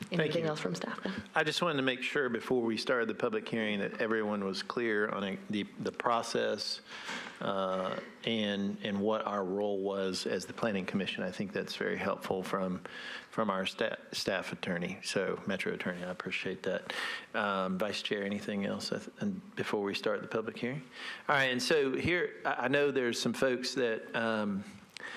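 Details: Adult male speaker; normal voice.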